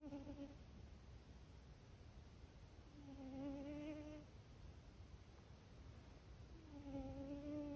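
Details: Sleeping cat snoring softly with buzzing snores about every 3.5 seconds; vet checked her and found nothing wrong, so the snoring is considered harmless.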